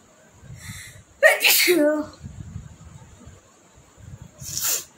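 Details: A sneezing challenge: a quick inhaled 'ah', then one forceful, explosive sneeze with a softer noisy burst at the end.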